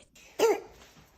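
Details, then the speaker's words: Sound played as an example of croup in a child: a single harsh, barking cough: croup cough. "I'm going to play you the sound that a a kid makes when they have croo. Okay. And this is just a random thing kids get."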